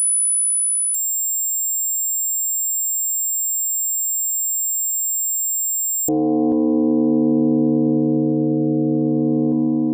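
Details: Simulated tinnitus for a hearing test: steady, piercing high-pitched ringing tones, then a lower continuous droning hum.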